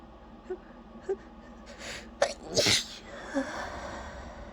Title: trying not to sneeze but i can't stop myself